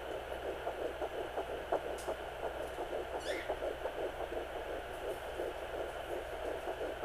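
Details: Fetal heartbeat at 9 weeks of pregnancy on a Sonoline B Doppler: rapid, regular whooshing pulses of about 170 beats a minute over a steady hiss.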